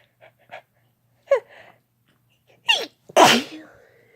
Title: Sneezing with no talking (F+M)